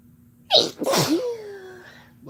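A single sharp sneeze with a brief voiced tail afterward in a quiet room; an ordinary sneeze.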